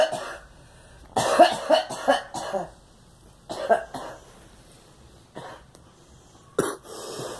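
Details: Girl coughing; cough.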